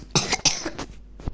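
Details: Child with a cough while playing online chess: two quick harsh coughs followed by a softer third, a cough.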